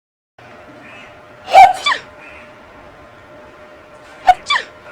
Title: Hachima (Sneeze) | Chilli Paste